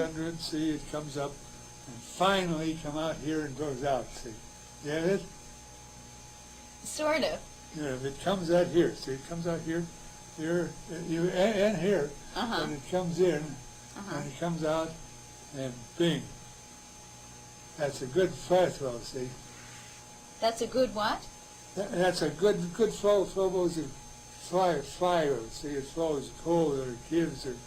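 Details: Man with Wernicke's aphasia, from an old teaching demonstration; his language comprehension is compromised: Wernicke's aphasia.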